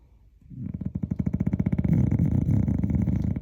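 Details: Dog snoring: a loud, rapid, rattling snore with fast fluttering pulses, like a grunting hog.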